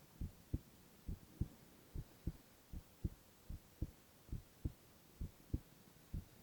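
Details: Male ASMR heart-sound recording with no talking: steady, regular paired beats at about 65 a minute, no extra sounds; normal heart sounds.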